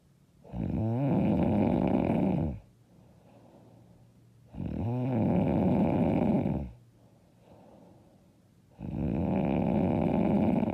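Loud, rough snores on each in-breath, about 14 a minute, with quiet breathing out between them. Heavy snoring.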